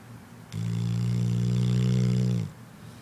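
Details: A sleeping female dog snoring: a single long, loud, steady buzzing snore lasting about two seconds.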